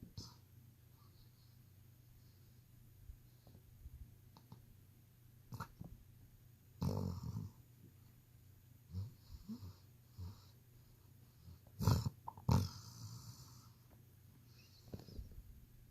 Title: Ruger the German Shepherd snoring!